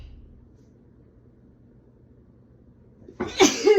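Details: Woman with a Christmas cold: near silence, then a sudden loud sneeze with a voiced burst at the end, among big teasing sneezes and a couple of doubles.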